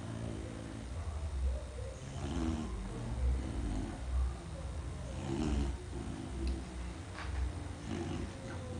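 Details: Sleeping subject snoring: low rumbling snores repeating irregularly, about a dozen over nine seconds, over a noisy background.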